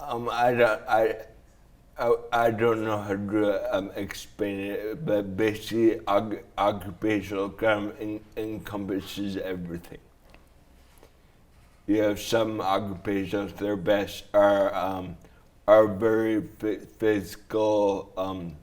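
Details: Adult man with traumatic brain injury from a snowboarding crash into a tree, with damage around the brainstem and cerebellum; after a coma he relearned to talk. Slurred speech; dysarthria after traumatic brain injury.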